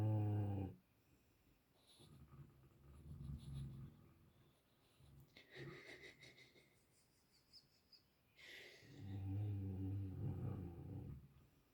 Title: Snoring dogs (sound up!)